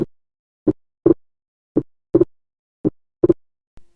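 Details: Slow, clean heart sounds at about 55 a minute, with the second sound heard as two close taps: physiological splitting of S2 during inspiration.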